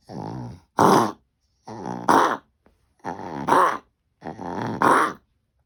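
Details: Coughing from a dog.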